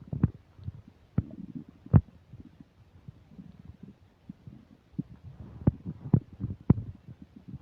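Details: While eating a burger and fish fries with self-described upset digestion, close new microphone picks up irregular low gurgles, rumbles and sharp pops with quiet gaps between; active stomach rumbling, bowel sounds (borborygmi).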